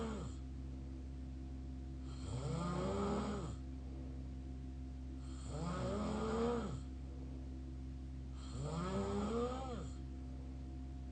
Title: mouth snore part 4